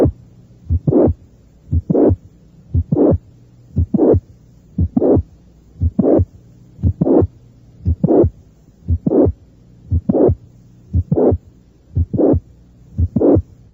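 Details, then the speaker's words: Mitral regurgitation in some patients, recorded at the apex on a teaching tape: normal heart sounds near 59/min, mid-systolic click followed by a high-pitched late systolic murmur, built up sounds, then click, then murmur. "hay un chasquido mes o sistólico seguido por un soplo sistólico tardío de tono alto esto ocurre en algunos pacientes con insuficiencia mitral"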